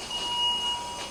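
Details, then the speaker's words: Ventilator alarm for low expiratory flow in a tracheostomized, mechanically ventilated adult switched to spontaneous pressure support 10 over 5, with expiratory tidal volume non-existent: a steady electronic tone with a brief break, signalling no expiratory flow returning. "the vents alarming because it doesn't like that there's no expiratory flow"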